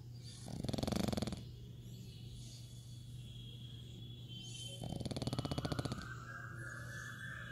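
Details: Pug sleeping, with two loud, rattling snores about four seconds apart and quiet breathing between them; snoring in a small flat-faced dog.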